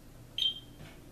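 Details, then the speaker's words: Aitecs 12S Pro syringe pump set up for propofol anesthesia infusion: single short high-pitched keypress beep as start is pressed to run at 80 micrograms/kg/min; normal confirmation tone. "total ready to run we press yes and now we press start"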